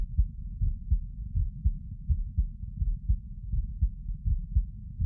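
Muffled, regular paired thumps at about 80 beats a minute; ordinary heart sounds with no added noises.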